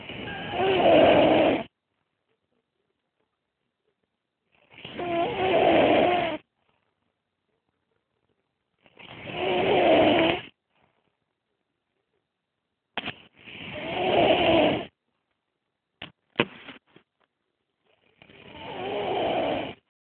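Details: Napping: loud, rough, rattling snores about 13 a minute, separated by silent pauses; unusual, harsh-sounding snoring.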